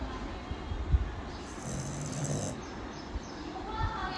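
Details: Shih Tzu dog asleep: a low rumbling snore with soft snorty breaths in a quiet room; ordinary snoring.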